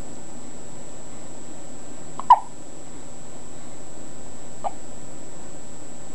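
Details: Baby hiccups: two brief, soft hiccup sounds a couple of seconds apart against steady background hiss.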